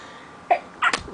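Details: Person with allergies, sneezing repeatedly all morning after leaving window open, trying to stay quiet: short sharp inhaled catch then an explosive sneeze.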